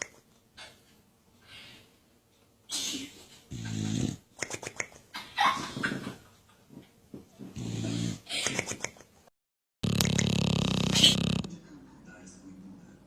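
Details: Napping pet dog snoring: rough, rattling snorts and breathy sounds at irregular intervals, with soft whimpery noises.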